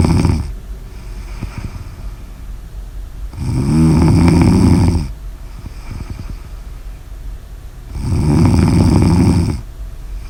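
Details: Snoring: loud rattling snores on each in-breath, about every four seconds, with quieter breathing between them.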